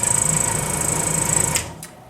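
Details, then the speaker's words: Loud pulsing mechanical hum with a high whine from a suction machine, cutting off abruptly and fading to quiet room sound: the suction machine switched on briefly during a tracheostomy care demonstration. "since it's so loud for demonstration purposes I'm not going to have the suction on but in real life you uh bear in mind you're going to have to work over that noise"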